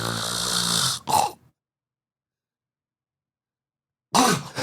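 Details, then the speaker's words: Imitated snoring of a man with a deviated septum and sleep apnea: a harsh snore, then a silent pause with no breathing, ending in a sudden gasping snort. He reportedly stops breathing for 7–8 seconds at a time. "Oh, no. Yeah, it's like literally stops breathing."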